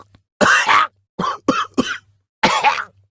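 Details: Cartoon sound effect of a character coughing: five harsh, dry cough bursts in quick succession.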